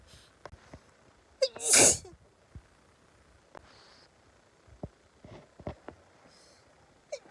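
A short breath in, then a single sharp, hissing sneeze, followed by faint small sounds in a quiet room. One sneeze.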